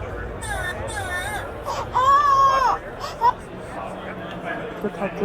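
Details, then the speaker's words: Recorded infant cry played through a small Bluetooth speaker at a sensor trade-show demo, wavering wails over room noise, for a machine-learning sound event detection device to recognize; infant crying. "Detected baby cry. So you can hear, I don't know if the video can hear this, but detected baby cry."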